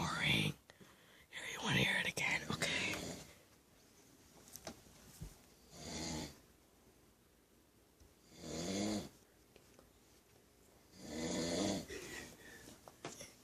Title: My uncle snoring